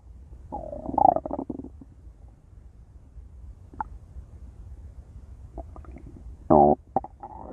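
Loud gurgling, creaking growls in bursts with a long quiet gap between; stomach growling from gas and fluid moving through the gut.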